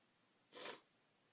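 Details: Female with a head cold: one brief, breathy, hissing sneeze against quiet background noise; sneezing.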